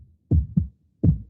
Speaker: This is the sound of a healthy heart.